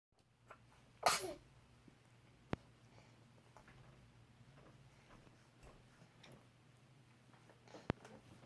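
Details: One brief sneeze from a baby girl near the start, then quiet room noise with a couple of faint clicks; recorded 2016; sneeze.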